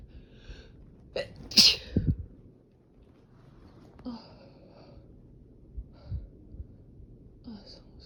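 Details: Two sharp sneezes in quick succession, then quieter breaths and sniffs; part of a productive sneezing fit.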